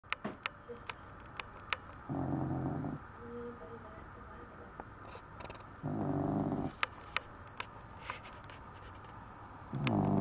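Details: A sleeping Cavalier King Charles Spaniel snoring: low, rumbling snores about 16 breaths a minute, with quiet gaps and faint clicking room noise between them.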